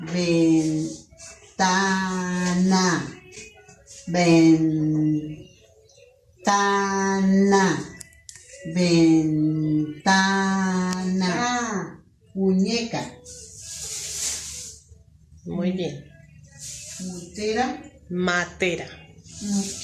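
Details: Broca's aphasia after a stroke in an older woman, with antiphospholipid syndrome, who had hospital care and then training at home.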